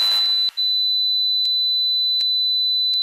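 A steady, high-pitched electronic whistle runs throughout, with a brief burst of noise at the start and a few faint clicks. This simulates tonal tinnitus, a constant ringing heard in the ear or head without any outside sound.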